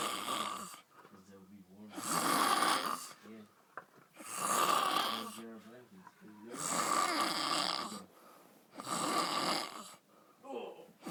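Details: Loud snoring from a sleeper called a panda: rhythmic rasping snores, about four in ten seconds, with quieter breaths between them.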